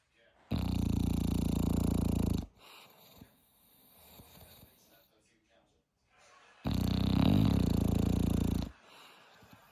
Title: Snoring Dog #asmrdog #asmrsound #snoring #dog #sleep #sleeping #funny #funnydog #dogmom #dog #dogs